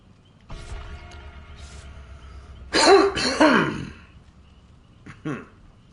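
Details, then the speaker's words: An adult male streamer, whose voice is shot after losing it, gives a rough, forceful throat clear and then a briefer, softer one over quiet background music: throat clearing. "yeah my throat is pretty bad"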